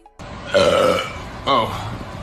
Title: BURPING